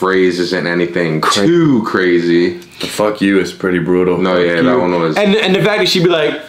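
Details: Adult male; Normal speech.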